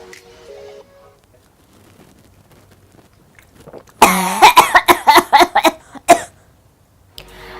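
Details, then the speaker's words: Acted choking cough, a demonstration of cough types: a strained gagging onset then a rapid string of about eight harsh coughs. "Yang ketiga, batuk keselak. Nah, kalau misalnya yang satu ini perlu ditolongin nih kalau misalnya kamu denger batuk keselak."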